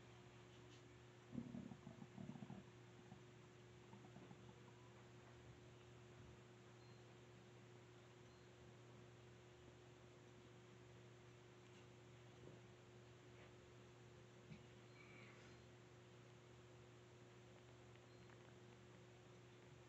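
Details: Stomach noises recorded in 2022: a short cluster of low gurgles early on, then only a steady hum with faint clicks; bowel sounds (borborygmi).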